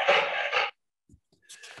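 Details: Loud, harsh, roaring inspiratory stridor, then a brief pause and another noisy breath, in a dog with laryngeal paralysis.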